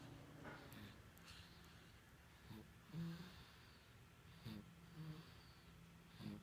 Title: Baby snoring